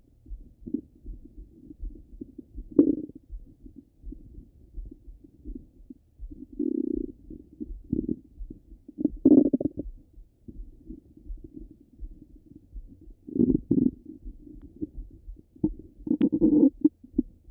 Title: Half an Hour of Stomach Rumble 🫧🩺